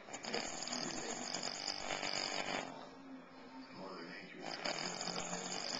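Loud, rasping, fluttering breath noise in two long stretches with a softer pause; heavy snoring.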